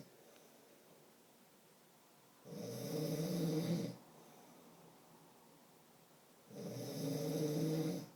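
Two loud, rough snores on the in-breath with quiet gaps between, about 15 breaths a minute: ordinary snoring.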